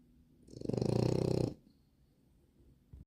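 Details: Snoring: one deep, rattling snore of about a second, with quick fluttering vibration in a low rumble, then quiet breathing.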